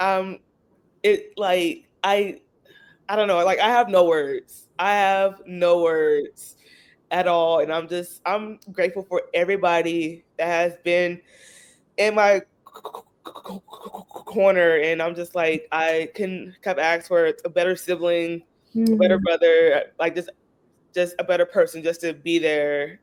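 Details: Adult Black woman who stutters, about 31 years living with stuttering, member of a support group for Black women who stutter; stuttering.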